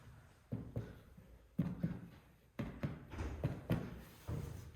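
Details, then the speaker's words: Paired low, hollow percussion taps over the front of the chest, comparing right and left in a respiratory physical examination demonstration, give a normal resonant (sonor) note; hyperresonance would suggest COPD or emphysema. Resonant percussion note. "Seperti itu, dan biasanya berbunyi sonor ya."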